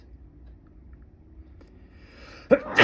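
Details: Sneeze after an itchy, tickly nose: a quiet room, then a loud, sudden burst of air at the end, cut off as it happens.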